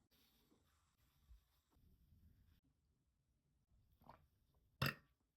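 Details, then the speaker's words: Burping while drinking beer for a review: a few soft throaty sounds, then one loud burp near the end. "aftertaste with the burps are very flavorful I am enjoying it"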